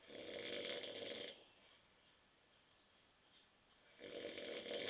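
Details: Husband asleep on a sofa at 9:30 p.m. after drinking many beers: two long, rough, rattling breaths with a quiet pause between; loud snoring.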